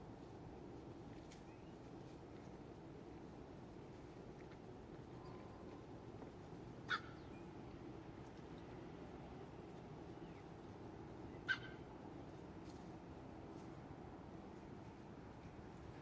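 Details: Two brief, sharp cough-like bursts from a female egg-laying duck, intermittent for about a week; otherwise normal, eating, drinking, quacking, not lethargic, eyes not runny, laying 2 eggs a day; cause unknown.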